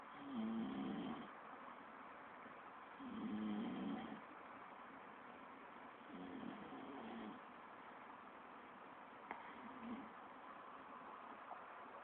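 Low, rattling snores with each breath in, about four in twelve seconds (roughly 20 breaths a minute), with quiet pauses between them. Ordinary snoring during sleep.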